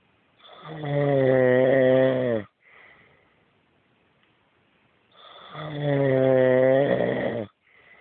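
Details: Adult man (husband) snoring loudly, as he does every night: two loud, droning, buzzing snores, each about two seconds on the breath in, with quiet breathing between; heavy snoring, music in background.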